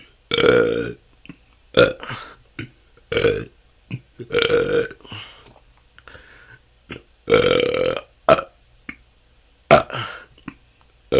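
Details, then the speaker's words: Adult describes years of excessive belching lasting hours; ten continuous minutes of repeated natural burps, recorded with an improved microphone. "this can go on for hours this has been my struggle for the last couple of years it seems like somehow didn't let out enough gas and have stored up so much that it just I have hours and hours of gas to let out"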